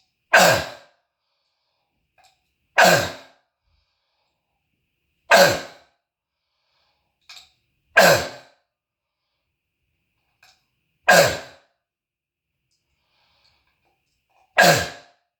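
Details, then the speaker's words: Adult who says they were born with bronchitis coughs six loud, harsh single coughs about every 2.5 seconds, echoing off walls, seal-like barking quality; throat tickle, coughing up phlegm; croup-like barking cough they call asthmatic. "so that's an asmatic cough it's like a seal barking cough is what it is"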